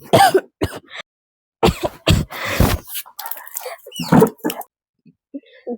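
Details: Acted adult coughing in a Bangla drama, character says she caught a cold sleeping on the floor; harsh, throaty coughs in short bursts with brief pauses, quiet room: cough.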